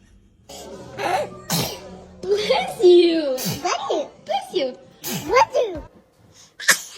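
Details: Baby's voice with a few short, sharp bursts between soft vocal sounds, fitting small infant sneezes; sneezing.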